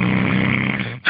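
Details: A sleeping adult gives a single long, rumbling snore, then a brief pause and a short snort; recorded after a night out; snoring.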